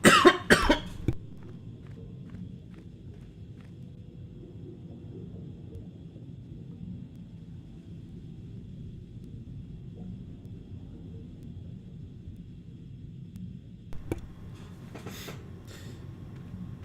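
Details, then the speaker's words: Person almost three weeks after an illness, still unable to shake a cough: a quick cluster of three or four harsh coughs, then quiet room noise and a brief further cough. "And as you can hear, I still have a bit of a cough. It's been almost 3 weeks now since I've been sick, and I still cannot get rid of the damn cough."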